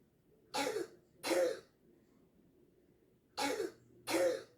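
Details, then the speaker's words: Four short, harsh, barking cough bursts from a girl diagnosed with laryngitis; barking cough. "Esa es la típica tos perruna, que es como haga cuenta, como un ladrido, ¿no? Es muy típica de la laringitis."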